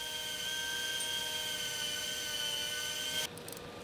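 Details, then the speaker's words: High, steady whine of a powered surgical drill boring a tunnel into the leg bone, stopping abruptly near the end, making room for a hamstring tendon autograft during anterior cruciate ligament reconstruction. "창 뼈에 구멍을 뚫어 자가 힘들이 들어갈 자리를 만든다"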